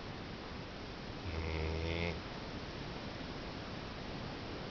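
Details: A single low, rumbling snore lasting about a second over a steady background hiss; ordinary snoring.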